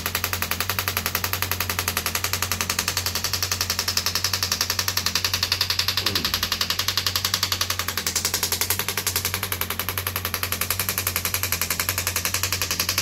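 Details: Radial shockwave therapy device firing steady mechanical tapping (about 80 pulses a minute) with a loud buzzing hum on an arm wrestler's triceps area; he says it feels like deep tapping on the bones without pushing through muscle.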